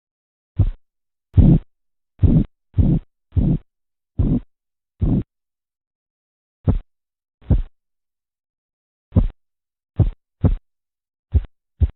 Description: Как правильно измерять, замерять артериальное кровяное давление. Звуки, тоны Короткова, Korotkoff. Наглядные примеры.